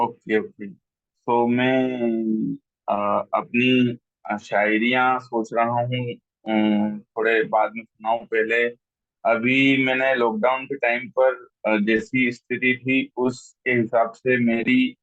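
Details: Adult man who stammers, a member of a stammering association, reciting his own poetry online, with a syllable repeated many times before a word; stuttering with syllable repetitions.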